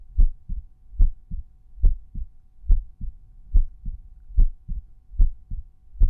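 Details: Resting normal heart sounds auscultated at the tricuspid area: crisp, regular lub-dub at about 72 beats a minute with no extra sounds.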